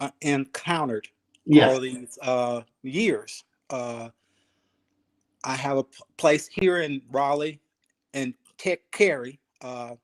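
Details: Aphasia in a 52-year-old male ischemic stroke survivor, speaking 3 years after his stroke; he is still working on his speech, thinking about every word, syllable and cadence.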